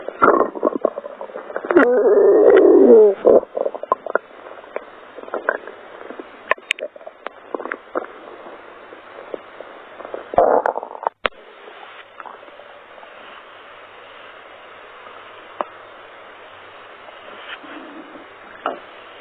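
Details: Bubbling, gurgling stomach growling in bursts with faint clicks between, ordinary borborygmi of a normal gut.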